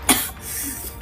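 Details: A simulated cough: an adult man imitates another person's cough on camera, giving one short, harsh cough burst with music playing behind.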